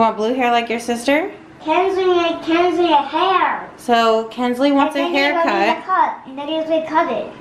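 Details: 7-year-old child diagnosed on the autism spectrum, repeating phrases about a movie during a haircut; echolalia.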